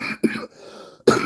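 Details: Adult man who found out he has pneumonia: three brief, harsh dry coughs with no wet rattle, separated by quiet breaths.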